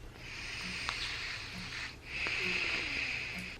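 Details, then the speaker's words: Nasal breathing with splints in place after septorhinoplasty, about day 4–7: two loud hissing breaths, one out and one in, slightly whistling through a partly blocked nose that still feels a little stuffy. "I can pretty much breathe. It's just a little bit stuffy, but take a listen to"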